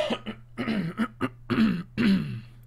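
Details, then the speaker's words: Adult coughing: a run of about seven short, throaty, partly voiced coughs and throat-clearing bursts, with a low steady hum behind. "guys apologies for the coughing i sound like a pokemon so hold on"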